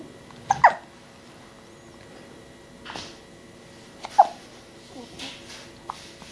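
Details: Puppy named in description as 5 days old: a few isolated, sudden short hiccup catches separated by quiet gaps, with faint room hum; newborn puppy hiccups.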